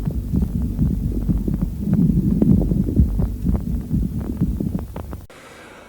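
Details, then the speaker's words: Lung auscultation teaching recording: fine, uniform crackling over a low breath rumble at the peak of inspiration, not cleared by coughing, crepitation (fine crackles), unlike moist rales. "теперь просушим трепетация она слышно на высоте вдоха после покашивания больного оно не исчезает шум одноглазный различие от влажного хрипа пожалуйста послушаем"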